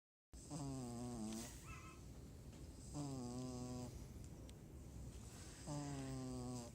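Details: Snoring: three drawn-out, tonal, buzzing breaths with falling pitch, about 25 a minute, over faint room hiss.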